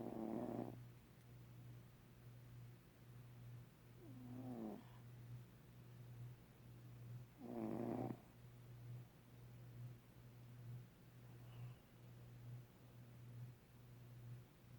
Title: Cat snoring! Gato roncando! Esse bichinho faz barulho noite e dia...